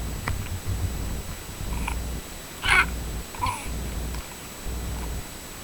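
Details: Cat coughing: short, harsh coughing sounds over steady room noise, with one louder burst in the middle.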